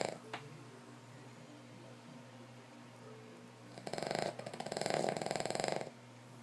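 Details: A King Charles dog snoring: a steady hum, then about two seconds of loud, fluttering, rattling breath noise.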